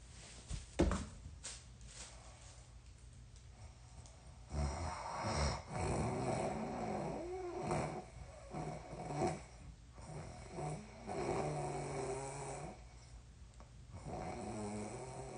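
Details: Person asleep in a small quiet room, snoring before a sleepwalking trip to urinate that they do not remember: loud, irregular rattling snores with snorting breaths.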